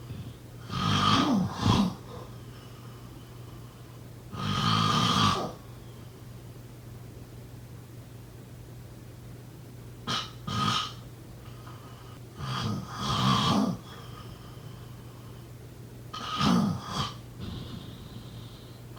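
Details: Uneven snores, some broken into two or three short snorts, with long quiet pauses over a low room hum; irregular snoring.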